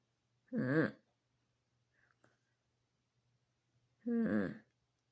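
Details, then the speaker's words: Wheezing in a recent surgical patient with a feeding tube; the wheeze worried a visiting nurse. Two deep breaths with a loud, musical, wavering wheeze, indicating narrowed airways. "So that's the noise that the nurse heard that worried her today."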